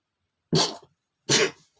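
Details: Male sneezing: two soft, quick sneezes about three-quarters of a second apart, each a short burst of air with little vocal sound.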